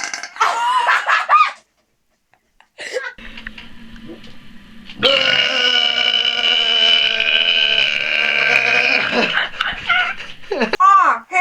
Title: HUGE BURPS | FUNNY MOMENTS!!!